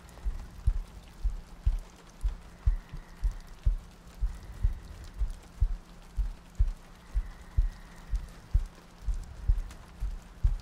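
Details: Three-hour looped ASMR sleep-aid recording with soft breathing and rain ambience; soft low thumping heartbeat near 60 beats a minute beneath steady rain noise; heartbeat.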